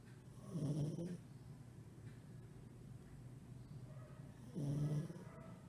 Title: 7/24/20 - Min pin snoring